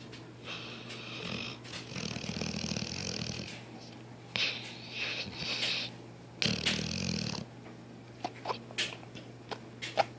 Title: Dog Snores